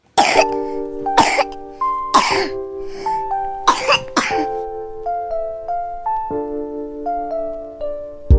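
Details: About five short, sharp cough-like bursts in four seconds from a young female rabbit with cough and fever, over steady background music.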